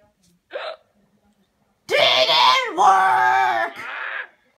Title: Me Acting Out Baby Bear's Hiccups